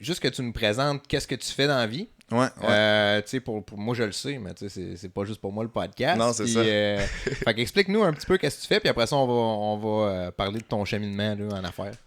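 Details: Adult male host; normal speech.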